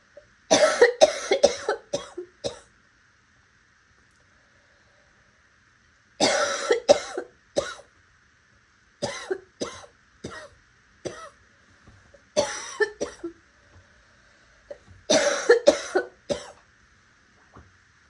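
Repeated bursts of coughing in clusters of three to five, harsh and raspy with some wet, hoarse quality.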